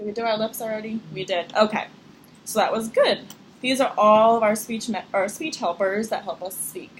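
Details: Adult woman speaking; normal speech.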